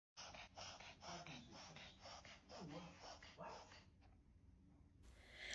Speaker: this is a reverse sneeze where it's a forceful inspiration of air where a regular sneeze is a forceful expiration of air